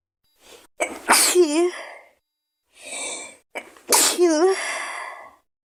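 Two sneezes from a girl, each with a quick breath in, then a sharp burst ending in a high voiced tail.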